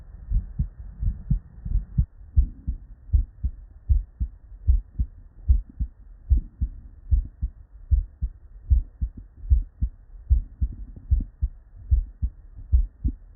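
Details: Real, unedited human heart sounds recorded at the bedside from multiple patients with normal cardiac physiology, looped continuously: normal first and second heart sounds (S1 and S2).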